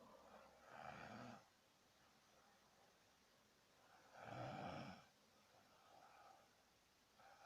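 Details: 16-year-old boy snoring in sleep, attributed to poor head position and stopped by repositioning; not previously heard to snore: slow, rasping snores about every three to four seconds with quiet pauses.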